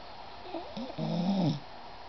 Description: Turn up the volume & listen to Isis snore! hehe